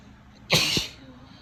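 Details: A female's single sharp, explosive sneeze with a brief hissing burst of air and a short voiced catch at the end; tickly, sneezy nose attributed to cold weather.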